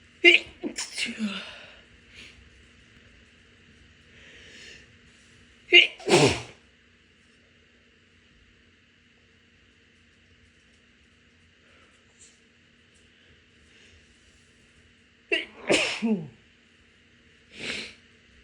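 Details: Morning allergic sneezing in a person, with watering eyes, after taking the dogs out: three separate sharp sneezes, each with a quick intake before the burst, over a steady room hum.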